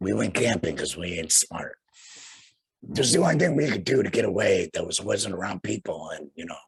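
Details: Tracheoesophageal speech through a voice prosthesis in a man after total laryngectomy for cancer.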